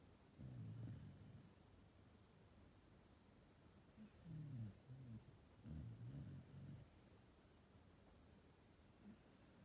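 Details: An Australian shepherd snoring while napping; the owner notes the snoring has grown with age: soft, low, rumbling snores recurring every few seconds in a quiet room; ordinary snoring.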